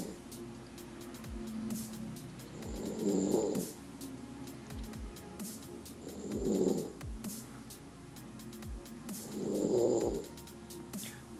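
Three rough, rising breath noises about every three seconds, roughly 18 a minute, with music and room noise behind; snoring.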